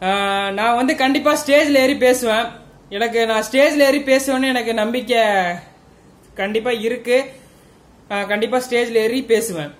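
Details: Adult speaker, Hindi; stuttering.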